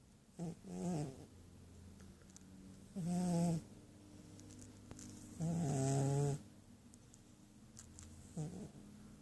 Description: Sleeping cat snores